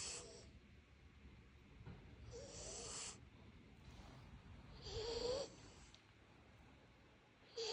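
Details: Sleeping puppies snoring: soft, irregular snorting breaths with faint squeaky whistles, about 26 a minute.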